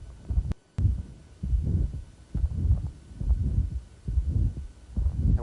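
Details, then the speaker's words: Mild pulmonary valve stenosis at the left upper sternal border: regular heartbeat about 68 a minute, first sound audible, soft mid-systolic murmur building to peak intensity before the second sound. "so you can still hear first hurts and you hear the murmur kind of grown into peak intensity very light"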